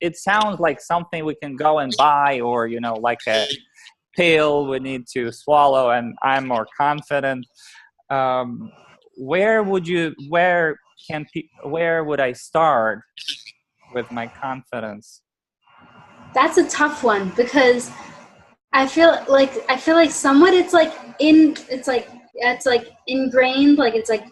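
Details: Adult woman, stuttering since childhood, worsening after college; self-described pretty mild covert stutterer who hides it by switching words; had speech and cognitive behavior therapy; finding: stuttering (mild, covert).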